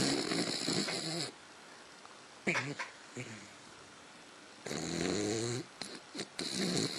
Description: Lainey Sound asleep and snoring